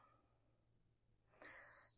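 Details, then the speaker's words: Teal Moog Infinity enteral feeding pump, used for G-tube formula feeding, switched on by press-and-hold before priming the tubing: quiet room, then a steady high-pitched electronic tone; normal feeding pump power-on beep. "And then the next thing before we start our tube feeding is going to be to prime the tubing. So we'll turn the pump on."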